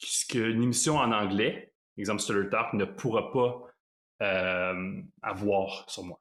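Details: Stuttering in an adult man who lives with stuttering; stuttering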